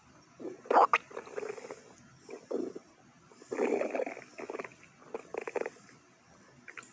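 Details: Irregular bursts of gurgling, rumbling and squelching from the belly separated by quiet gaps; stomach growling (borborygmi).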